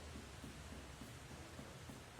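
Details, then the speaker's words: Normal abdominal tympany on percussion of the abdomen during a physical exam: a hollow drum-like note, neither hyper- nor hypotympanic, in a patient with normal gas production, unlike the dullness of ascites. "O que acontece? Se você faz essa percussão, você não vai ouvir timpanismo nenhum, porque esse barulho aqui, ó, esse aqui é timpanismo, ó, não é hipertimpanismo nem hipotimpanismo, é timpanismo."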